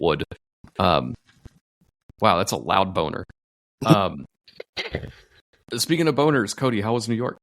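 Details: Adult male speaker; normal voice.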